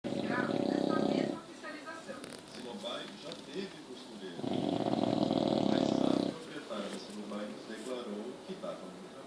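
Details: 7-month-old English Bulldog puppy: loud rasping snores on two long breaths, quieter snuffling between, background talk; dog snoring.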